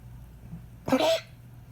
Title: Duchess hacking cough